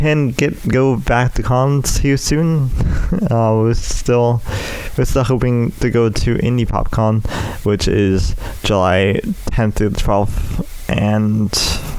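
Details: Adult male with cerebral palsy affecting the right side of his body (right leg and arm), which he says also causes his speech impediment; speech impairment (cerebral palsy).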